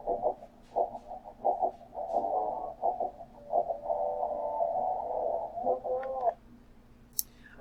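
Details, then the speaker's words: Simulated high-frequency hearing loss: muffled rock band music with high, bright sounds stripped away, demonstrating what a student who wears bilateral hearing aids and an FM system hears without her hearing aids. "so this is essentially what she is picking up in this conversation okay so good doesn't hear anything grandpa all she's hearing is the a's the us okay so now we're going to take a little listen to what megan will experience without her hearing aids"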